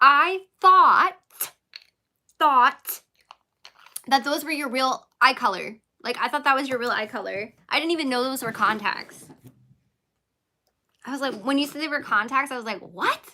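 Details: Adult woman with a self-reported stutter; the stretch holds repeated words; stuttering.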